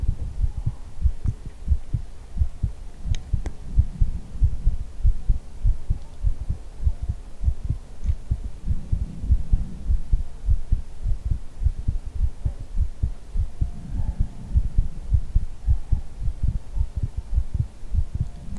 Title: ASMR hugging your head - heartbeat with ear blowing ❤️